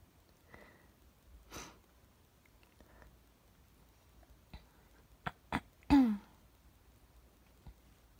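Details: Allergy sneezing onto a mirror: sniffs and a few sharp bursts in a quiet room, ending in a loud sneeze.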